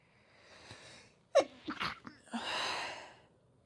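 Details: Sneezing induced by sniffing chhinkni (sneezing powder), at first stifled: breathy build-up, then a sharp sneeze, a couple of smaller bursts and a long exhale.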